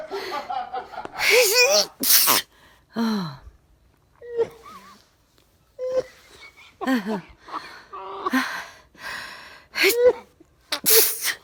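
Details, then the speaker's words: A sneeze that had been building all day, caught on camera just before bed: a series of sharp, explosive sneezes with sniffing and high-pitched vocal bursts between; repeated sneezing in close succession. "that sneeze has been going on all day i felt the stairs coming on all day and i was waiting i had my camera ready"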